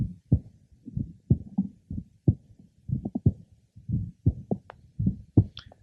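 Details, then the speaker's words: Patient with congenital bicuspid aortic valve and aortic regurgitation, at the apex: aortic systolic ejection sound, which does not decrease with inspiration and can mimic a split first sound, with a high-pitched aortic diastolic murmur. "aoic ejection sounds are often well heard at the Apex this is a good example"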